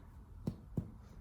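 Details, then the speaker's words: Normal resonant lung percussion note: two hollow, low-pitched taps from middle-finger percussion over the chest. "Na percussão, esse som que vocês estão ouvindo é chamado som claro pulmonar atimpânico, tá?"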